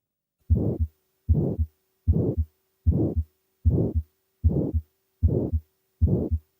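Regular heart cycles at about 76 a minute, each with a rough, harsh sound filling the space between the first and second heart sounds. This is the systolic ejection murmur of aortic stenosis, from blood forced through a narrowed aortic valve. A faint steady hum runs underneath.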